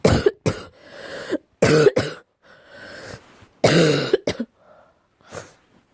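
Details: Deep, low-pitched cough, tagged allergy: three pairs of deep, harsh coughs, each followed by a rough breath in.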